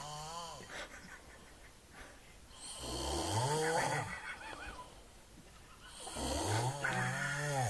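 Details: Snoring, possibly a dog sleeping on the bed: very loud, long, harsh, rattling snores with whistling tones on the breaths.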